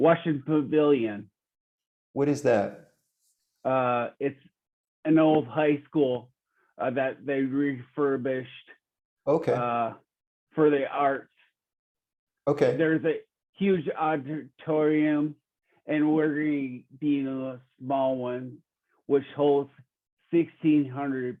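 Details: Real 45-year-old man with rare (under one in a million) primary progressive apraxia of speech; knows the words but they don't come out clearly; speech declining since a previous interview; primary progressive apraxia of speech.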